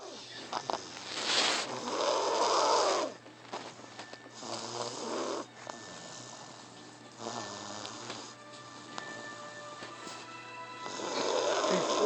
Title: A 2 year old snoring like a GROWN MAN!